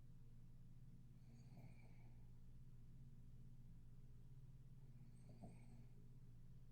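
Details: Adult woman lying in bed, very tired: two faint, soft snoring breaths about four seconds apart with a slight whistly edge, over a steady low room hum.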